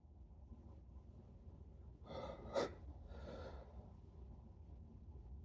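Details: A single sneeze from an adult man, induced after showering: quick gasping inhale, sharp explosive burst, then a trailing breath out.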